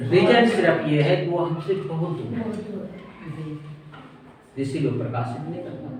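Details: Adult speaker; no speech disorder.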